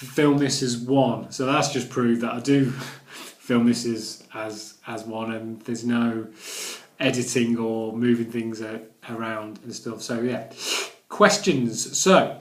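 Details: Adult male vlogger who stammers, recovering after Starfish Project therapy, filmed in one unedited take; stuttering (stammering).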